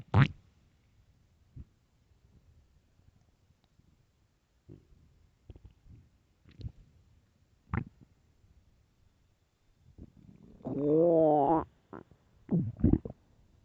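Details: Extremely loud morning stomach growls: scattered gurgles and pops, then a long squealing growl near the end; loud borborygmi, ordinary stomach growling.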